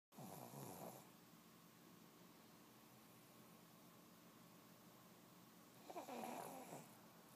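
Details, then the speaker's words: Two rough, rattling snores about six seconds apart with quiet steady room noise between, from a sleeping pet: snoring. "Hear the baby snoring."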